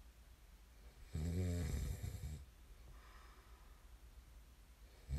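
Deep, rumbling snores on each in-breath with quiet out-breaths between, two snores about four seconds apart.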